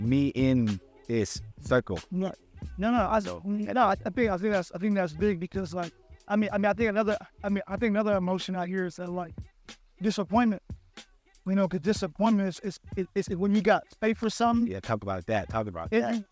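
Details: Adult podcast host who stutters, speaking conversationally; stuttering.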